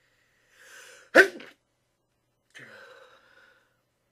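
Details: Person deliberately trying to sneeze quietly: soft indrawn breath, then one sharp, stifled sneeze burst and a brief breathy sound; suppressed sneeze.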